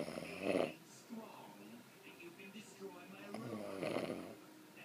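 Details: Snoring: two loud fluttering snore breaths with softer snuffling and grunting between them, in a quiet room; the snorer admits snoring a little.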